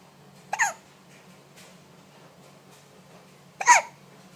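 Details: A baby with hiccups gives two brief, sharp hiccups about three seconds apart over a quiet background hum.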